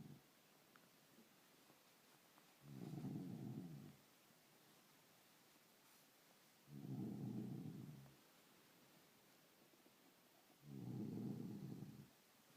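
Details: Sleeping person snoring loudly "like a machine": three deep, rumbling, regular, low-pitched snores over about 12 seconds, roughly 15 breaths a minute, with a steady room hum.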